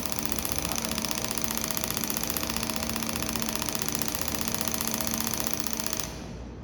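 Rapid, steady mechanical clicking at about three pulses a second for six seconds, then it stops: a shockwave therapy device firing.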